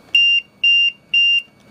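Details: Adult automatic transport ventilator, set up as a new patient: three even, high-pitched electronic beeps, each about a quarter second long, confirming it is starting into a live mode before connection to a patient.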